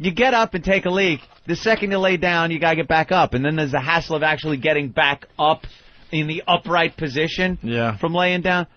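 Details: Adult male speaker, radio talk show; normal speech.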